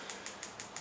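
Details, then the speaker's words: Rapid regular clicking pulses, about six per second, over a steady hiss from a focused shockwave therapy device at intensity 2, during a rock climber's fourth treatment for an ulnar collateral ligament injury of the index finger's DIP joint. "you know the intensity is a two there so we're just going to start the treatment keep in mind this is the fourth treatment"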